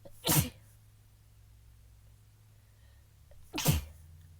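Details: Two messy, stifled, muffled sneezes a few seconds apart over a low room hum, from a female.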